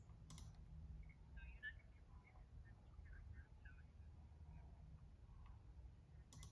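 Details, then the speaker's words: Simulated severe hearing loss in a girl's unaided left ear, which gets about 8% of speech sounds (right ear about 48%): speech reduced to faint, muffled fragments over a low rumble, with no words understandable. "so let's listen to what it might sound like for her to listen without her hearing aids"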